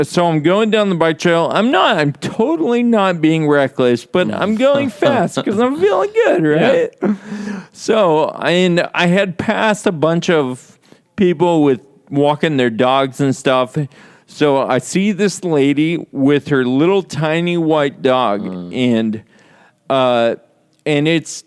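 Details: Adult man speaking; normal speech.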